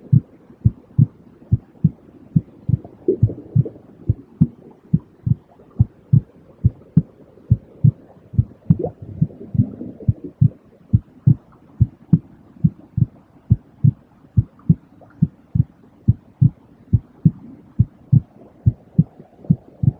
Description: 💛 Mettez-vous de bonne humeur et régénérez vous en écoutant son battement de cœur calme. 💛